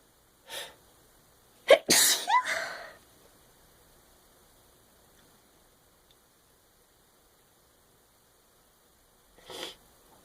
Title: Still Sneezing!